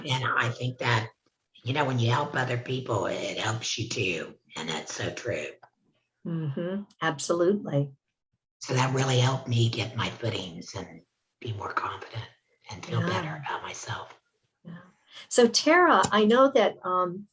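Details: Alaryngeal speech from a laryngectomee after laryngectomy; the speaking method is not stated.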